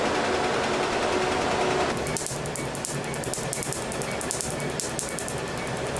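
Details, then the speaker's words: Laser tattoo removal on an adult male patient's first treatment session: rapid, steady snapping pulses, about 200 a minute, following a stretch of steady machine noise as ink is broken into particles. "tattoo ink is removed by light bypassing the skin and being absorbed into the Ink Rapid absorption of the laser energy causes the ink to break into tiny particles"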